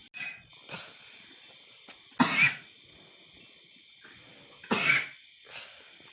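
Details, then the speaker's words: Several cows on a village dairy farm coughing; owner links it to smoke from a fire lit to drive off mosquitoes, with neem leaves added; two loud harsh coughs with snorting breaths over a steady hum; cough. "ज्यादा मत कर यार तू बहुत ही खासी हो रही"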